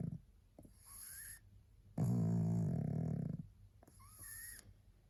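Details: A very tired female pug, barely able to hold her head up, snoring while asleep: soft whistling nasal breaths and one loud rattling snore on an in-breath.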